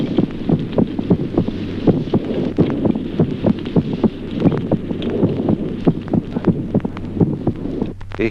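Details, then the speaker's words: Normal child heart sounds through a stethoscope: quick, regular paired beats with respiratory sinus arrhythmia, low rumbling noise underneath. "Ejemplo segundo, signoscultatorios normales en el niño. Arritmia respiratoria"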